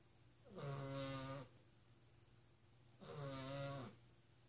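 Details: Loud, drawn-out buzzing, vibrating snores about 2.5 seconds apart over quiet room noise, from a sleeping office companion; snoring.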